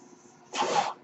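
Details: Podcast host's own mechanical ventilator heard in the background while he talks: a brief machine whoosh rising abruptly and cutting off after about half a second as the ventilator delivers a breath.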